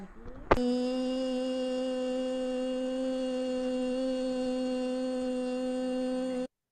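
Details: Sustained phonation during laryngeal stroboscopy after treatment, with persisting mucoid discharge but now complete glottic closure and no longer hourglass closure from midpoint oedema.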